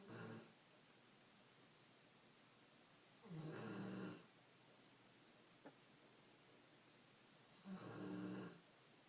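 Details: Female piggy Cypress snoring during her noon nap: soft, regular snoring breaths, about 14 a minute, with quiet pauses between over faint room hiss; snoring in sleep.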